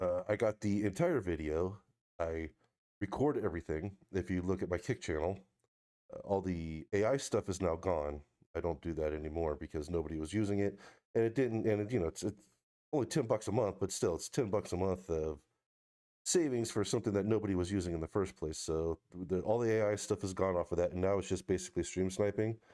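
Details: Adult male speaker; no disorder.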